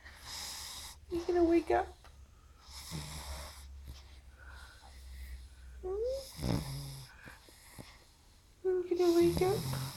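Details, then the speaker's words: Sleeping pug snoring loudly in irregular bursts, some wheezy and snorting, with quiet pauses between breaths, while the owner tries to wake him. "Elwood, Hey, Elwood. sweetie, you're snoring."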